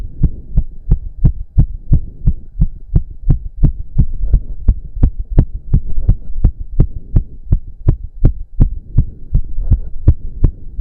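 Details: Male heartbeat during an intense cardio workout of about 15 minutes, with heavy breathing. Rapid, strong, regular thumps at roughly 170 a minute; he reports close to 200 bpm. Sinus tachycardia, a normal response to exercise.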